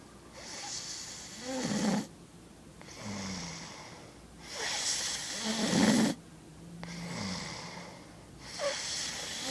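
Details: A person snoring, with rough snorting snores on breathing in and breathy outbreaths, about 15 breaths a minute; snoring.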